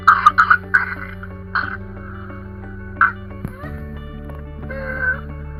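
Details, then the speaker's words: Whooping cough (pertussis) in a little girl: a rapid paroxysm of short coughs that expels all the air from her lungs, then strained breaths and a drawn-in, high-pitched inspiratory whoop. "here is a short audio clip that gives you a better feel for what pertussis sounds like and why it is known as the whooping cough this little girl has expelled all of the air from her lungs and is now struggling to get air back into her lungs"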